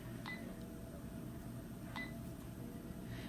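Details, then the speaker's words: Smart infusion pump programmed for continuous propofol infusion (1000 mg/100 mL vial) in a 100 kg patient at 5 mcg/kg/min, before showing bolus dosing: two short keypad beeps over low room hum. "so i'm going to turn on my pump go to my care area and i'm going to type in my propofol and this is for the 1000 milligram per 100 ml concentration which is the larger vial for continuous infusion"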